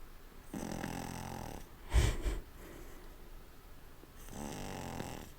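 Low rumbling snore on two breaths with a snorting noise between them, typical of a flat-faced dog's noisy sleep breathing.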